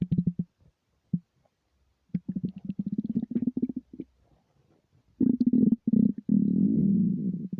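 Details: Empty stomach rumbling recorded without a microphone: low gurgling, bubbling bursts and a longer rolling rumble; ordinary borborygmi.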